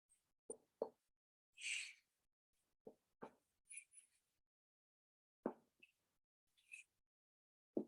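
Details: Abdominal examination of a 27-year-old man: short, hollow knocking percussion taps, mostly in pairs, with soft rustling between in a quiet room; normal abdominal percussion note.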